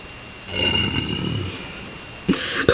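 A single long, low, rumbling burp lasting about a second, in a quiet small room; an ordinary voluntary belch.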